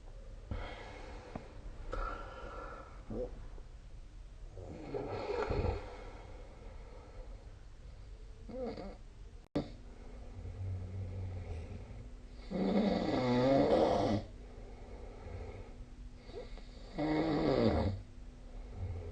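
Loud rough breathing noises recur with pauses between them, typical of snoring in sleep, in a quiet room.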